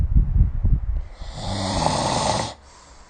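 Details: A low fluttering rumble, then a long, harsh snoring in-breath, then quiet; loud sleep snoring recorded with the SnoreLab phone app.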